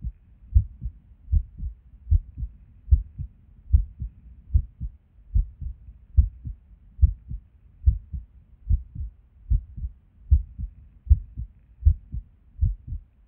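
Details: Resting heartbeat recorded at Erb's point while sitting at a desk: low sounds about 75 a minute with uneven spacing between some beats; irregular rhythm with skipped beats.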